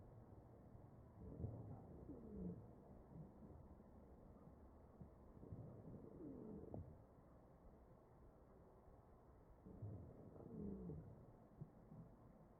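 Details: Wheezing in a mechanically ventilated patient, recorded over the chest: three ventilator-driven breaths, about 14 a minute, each with low musical whistling tones.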